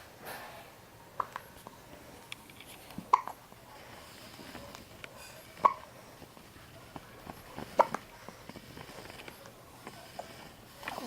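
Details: Baby girl with hiccups: sharp, brief hiccup sounds at irregular intervals, about four in eleven seconds, with soft rustling in a quiet room.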